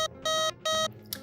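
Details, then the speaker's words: Short bursts of rapid, high-pitched intermittent beeping tones: the medium-priority alarm of a Vapotherm Precision Flow high-flow device, needing immediate attention. "a medium priority alarm requires immediate attention and is indicated by rapid intermittent tones that will sound like this"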